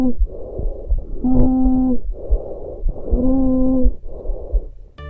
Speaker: El estridor es un ruido continuo de tonalidad intermedia, intenso y audible a distancia. Se produce cuando hay obstrucción de la laringe y de la tráquea extratorácica.